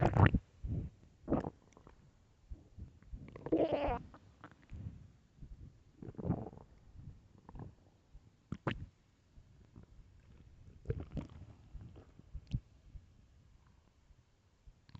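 Irregular low gurgles and rumbling squeaks from the belly; loud stomach growling from hunger, a normal gut sound.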